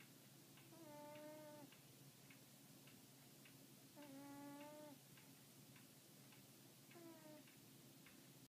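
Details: A cat, heard but not seen, snoring: cat snoring.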